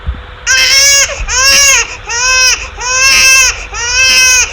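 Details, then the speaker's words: Human baby discomfort cry from cry research recordings: five rhythmic, clear, tonal cries of steady pitch, about one per second with short pauses, less rough than a pain cry. "and also the discomfort christ the cries recorded during"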